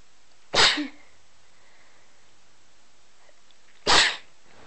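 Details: Two short, explosive sneezes about three seconds apart against a quiet background; sneezing.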